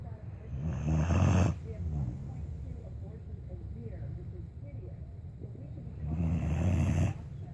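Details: Dog (Jake) asleep on a bed with eyes open, snoring: two deep, rumbling inhaled snores about five seconds apart, with quiet breathing between.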